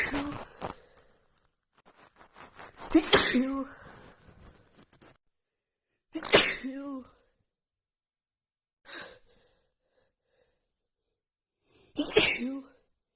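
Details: Female with a head cold and blocked nose, after sniffing a tiny bit of black pepper: sneezing fit of about five explosive sneezes in thirteen seconds, with sniffing and a breathy gasp between them.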